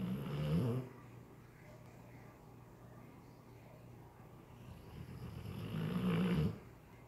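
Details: Macho, a dog, snoring while asleep.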